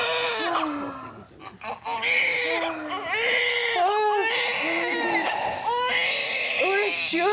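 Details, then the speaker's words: Newborn girl just after delivery: loud, strong, high-pitched wailing with voices nearby, a vigorous, normal newborn cry. "Baby sounds great."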